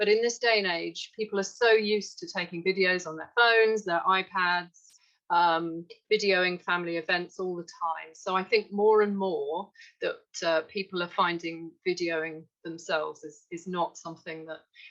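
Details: Adult woman speaking; normal speech.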